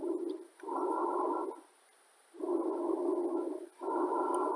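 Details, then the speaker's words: Loud, hollow, tubular breath sounds with a clear pause between inspiration and expiration, heard over the upper airway toward the throat, from a lung auscultation teaching demonstration: normal bronchial breath sounds. "let's see what normal lungs sound song like bronchial sounds or sounds heard up towards the throat are going to sound like this"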